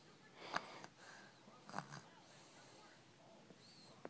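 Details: Sleeping baby snoring: two short, snorting, noisy breaths, then quiet breathing.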